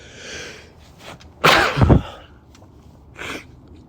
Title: cold sneezes (m)